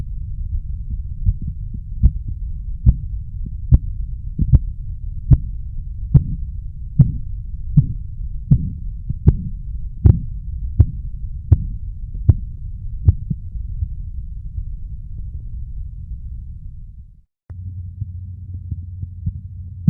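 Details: Korotkoff sounds as heard while measuring blood pressure; headphones recommended for listening.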